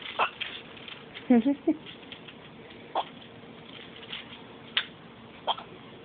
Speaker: You gotta suck if you want those nasty hiccups to go away.